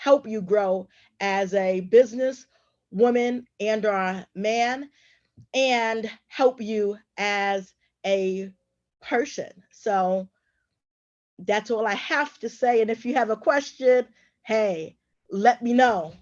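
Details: Adult woman who stutters and is also a traumatic brain injury survivor; stuttering.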